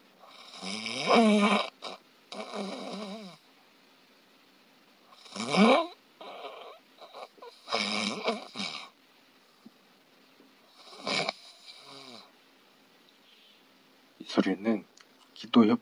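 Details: Loud, harsh, irregular snoring with strained bursts and pauses. The airway is narrowed almost to blockage, so breathing is poor, a dangerous pattern.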